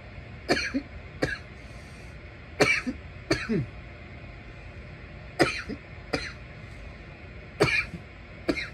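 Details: Adult coughing while smoking a bong: about seven bursts of short, harsh coughs in clusters from inhaled smoke irritation, over a steady background hum; a compilation of clips.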